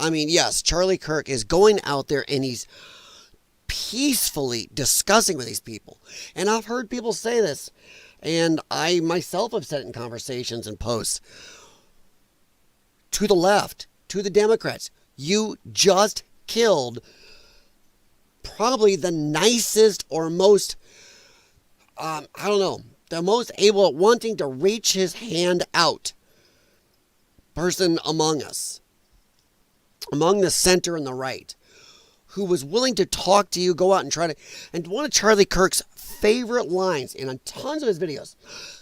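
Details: Dysphonia in a man whose vocal cords he says were damaged by infections from his lung problem; he is a former show choir singer and calls it a disability.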